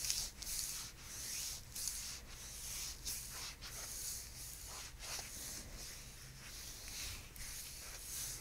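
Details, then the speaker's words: Chiropractic session on a woman with chest tension: after the area is sprayed, a heating scraping tool is used for instrument-assisted soft tissue work, giving repeated soft rasping strokes of about a second each. "is a scraping tool it's going to get hot okay"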